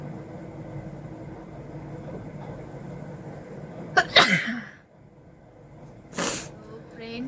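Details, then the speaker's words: Deliberately induced sneezing with a stick in a woman's nose, nose burning and eyes watering: quiet room noise, then one sharp burst with a gasping intake and a second brief nasal burst. "এই হাঁচি দিতে দিতে খুব নাক জ্বালা করে, জানো তো বন্ধুরা। চোখ দিয়ে জল চলে আসছে।"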